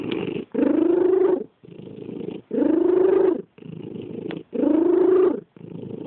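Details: Cat that makes funny sounds when it purrs; purring with a wheezy, squeaky whistle added to the louder phase of each breath: wheezy purring.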